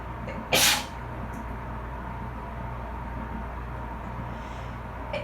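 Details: One loud, explosive sneeze from a person sitting in a bath after cleaning with bleach, which they are allergic to; steady dryer and A/C hum, with water sounds from face wiping: allergic sneezing.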